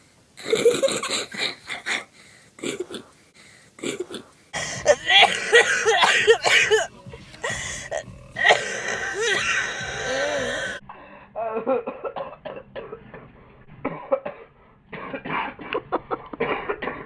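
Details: Adult with repeated harsh, loose-sounding coughs and throat clearing, a chesty, productive cough.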